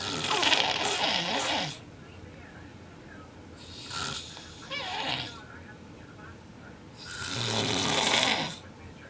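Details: Adult man with severe snoring: loud, harsh rattling snores on each inhalation, with quieter breathing between.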